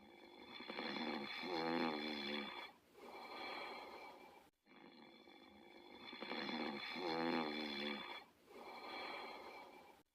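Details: Two sleeping subjects snoring.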